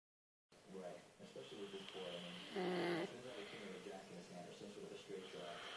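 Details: Father snoring heavily overnight: rough, buzzing breathing sounds with one louder snort midway: snoring.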